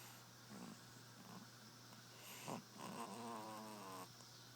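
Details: Soft, quiet snoring during her sleep, with a brief snort over a steady low hum; ordinary snoring.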